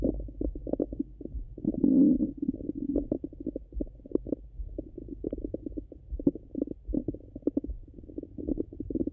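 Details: Stomach sounds from an adult abdomen: steady low gurgles and bubbling clicks with a louder rumble early on, active normal bowel sounds.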